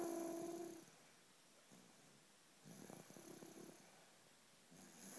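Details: Snoring while asleep: soft, raspy breathing noises repeating every couple of seconds in a quiet room.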